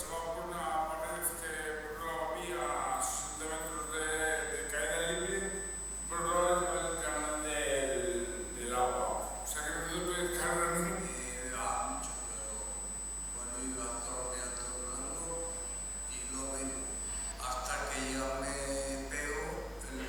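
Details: Cerebellar dysarthria in a patient with cerebellar syndrome (cerebellar ataxia).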